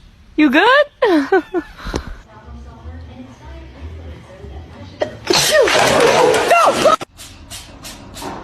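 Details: Pets, apparently cats, sneezing: several short explosive bursts, some high-pitched and squeaky, then a louder noisy burst, with light background music.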